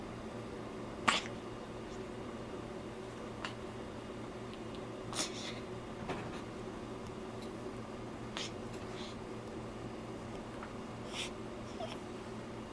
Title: Violet yawn and sneeze.MOV